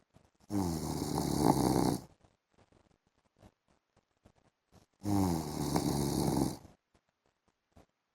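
Two loud, rattling snores on inhaling, about 4.5 seconds apart, with quiet gaps between. Ordinary snoring during sleep.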